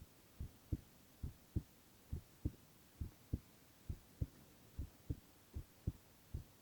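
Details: Silent ASMR recording of a young man's heart sounds only: steady paired lub-dub thumps at about 68 a minute, regular rhythm, no extra sounds; normal heart sounds.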